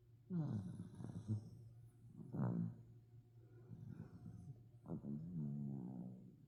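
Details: Overweight sleeping dachshund snoring in a quiet room: deep, rattling, grunting snores on each breath, some with a drawn-out groaning tone.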